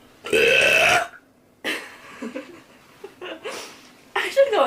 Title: Pretty Girl Releasing Powerful Deep Burps